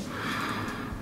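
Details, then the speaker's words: Child seen for sore throat and fever, lungs auscultated from the back: repeated deep breaths in and out through the mouth on request, then a quieter one; normal breath sounds. "big breath so as big as you can in and out your mouth again try to do a quiet one like this good job again and one more"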